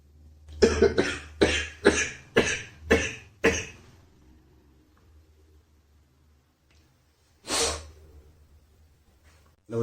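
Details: Man with a heavy head cold coughing while shaving: run of about six sharp coughs, a pause, then one more cough.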